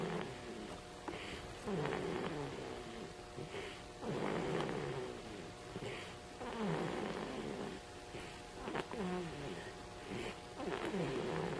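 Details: 3-week-old baby boy snoring in his bouncer: rhythmic rattling snores about every two and a half seconds, roughly 26 a minute, with a steady faint hum behind.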